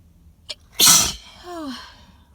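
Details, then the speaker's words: Sneezing fit while sitting in a car, described as very wet, loud, full-body sneezes that cause doubling over and dizziness; a short catching breath, then one explosive wet sneeze with a trailing voiced groan; allergic sneezing. "oh these are like coming from my soul and they're making me so dizzy but they they feel really really good when they come out um because it's just teasing so bad in between and i can't i can't stand it please"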